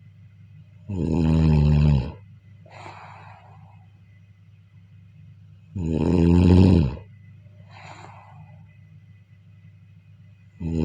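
Loud, rattling snores on each inbreath, about 12 a minute, with a soft breathy outbreath between them; steady low hum behind.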